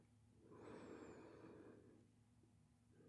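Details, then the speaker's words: Simulated ASMR roleplay nurse practitioner stethoscope lung exam, breathe in and out on command: one slow, soft, airy breath with faint room hum; quiet ordinary breathing. "All right, so let's go ahead and just [snorts] take a listen to your heart and your lungs to start. And I'll start with your lungs, so if I could have you just breathe in. And out. Breathe in."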